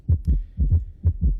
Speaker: yo creo que si tuviéramos nosotros la y la forma de poder ver que vemos uno acelerado cómo se va acelerando el corazón